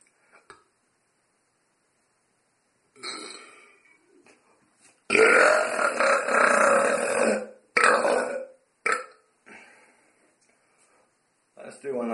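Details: Deliberate burping: quiet sounds give way to one long, loud burp, then a few shorter burps, in a quiet room.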